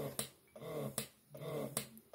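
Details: First-time new mom using an electric breast pump, about two minutes in: rhythmic click then soft whirring suction repeating about every 0.8 seconds; breast pump operating.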